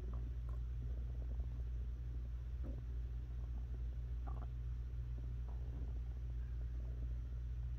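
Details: Low steady rumbling with scattered soft gurgles and bubbling from an adult woman's hungry stomach during digestion, recorded close-up as ASMR; borborygmi (stomach growling).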